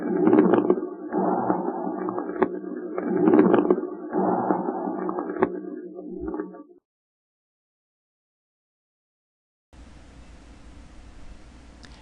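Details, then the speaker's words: Coarse subcrepitant rales, teaching example: breath sounds with irregular bubbling, wet crackles through each cycle, wetter, more irregular and changeable than fine crackles, from airway secretions. "éstos estertores son más húmedos irregulares y cambiantes que los crepitantes"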